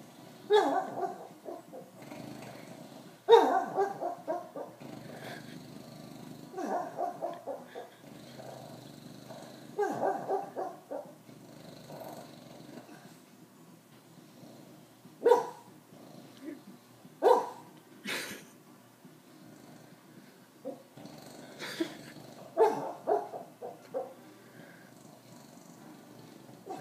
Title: Bulldog Sleep Talking